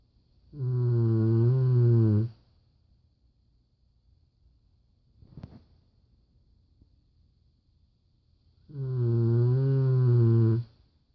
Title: Cane Corso snores like a grown man!